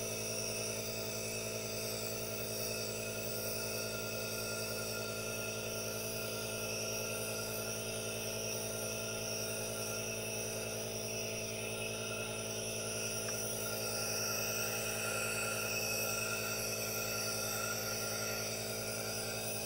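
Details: Aerosol nebulizer running during relaxation with hand movements and no talking: steady, unbroken hiss with a constant motor hum throughout.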